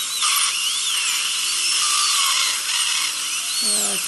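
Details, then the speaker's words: Surgical dental handpiece sectioning an infected wisdom tooth for extraction: steady high-pitched drill whine with water spray hiss, patient told to expect vibration and water. "now you're gonna feel a little bit of vibration and a lot of water springing just like I said you're gonna trim the tooth a bit like a little baby tooth and pick it out in a couple of pieces"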